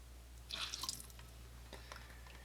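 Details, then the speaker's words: Soft splashing and dripping water with a low room hum as an adult flushes their own ear canal at home with a syringe after Debrox drops, chunks of wax coming out; ear irrigation. "I could feel this flushing in my ear. The water fills the ear canal and then whoosh, makes a swooshing noise."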